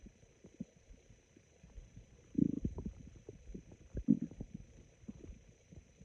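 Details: Sparse, low, raspy gurgles and rumbles from the abdomen; very sparse stomach growls, ordinary bowel sounds (borborygmi).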